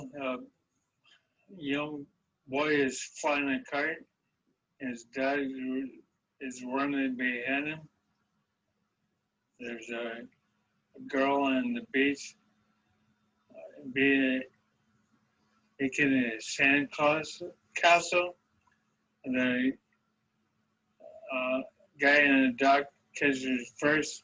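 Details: Man six years after onset of primary progressive apraxia of speech, with difficulties beginning at age 48, without aphasia at this point and with most striking phonetic or articulatory difficulties: primary progressive apraxia of speech.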